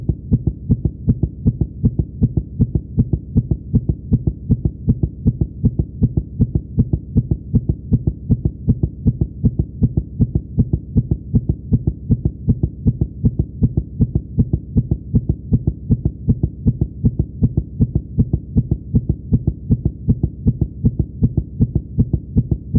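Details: Simulated: reused cartoon heartbeat sound effect for a fictional character, steady, rapid low thumps at about 158 a minute, portrayed as a stethoscope hearing a fast heartbeat.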